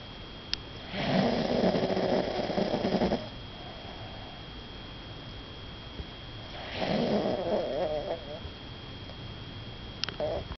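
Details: Two rough, rattling breaths about six seconds apart, roughly ten a minute, over quiet room noise during sleep; snoring.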